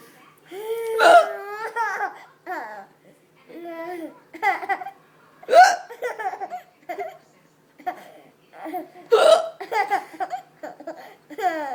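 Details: Mother with hiccups: sudden, short, voiced hiccups, roughly 13 a minute and irregular, mixed with laughter and babbling from her 19-month-old baby.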